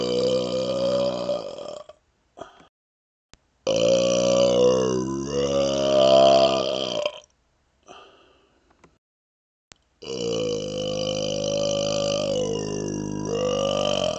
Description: My best smoky burps yet!